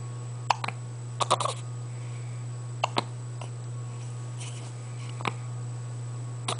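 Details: Female with hiccups while also performing her usual tricks: brief, sharp clicking gulps at irregular intervals over a steady low hum; hiccups.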